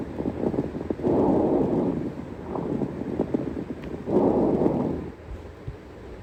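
Two breath cycles with low, bubbling pops and clicks scattered through the airflow: coarse crackles.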